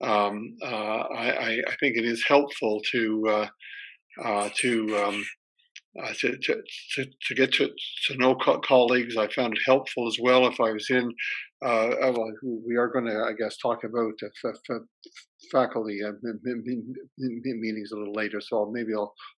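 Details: Retired male academic with a PhD who stutters, severe when young, now reasonably well controlled most of the time; part-word and word repetitions; stuttering.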